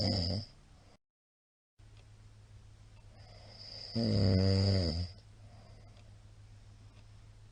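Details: Middle-aged man's snoring recorded 28 March 2022 during sleep: a loud, deep, vibrating snore lasting about a second, after a shorter snore and a gap; steady room hum behind.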